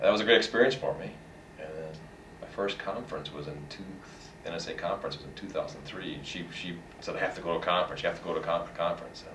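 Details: Adult man who stutters, a long-time stuttering support group member; audible repetitions; stuttering.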